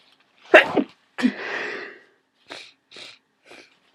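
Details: Adult with a worsening cold: one forceful sneeze followed by several short sniffs; sneezing.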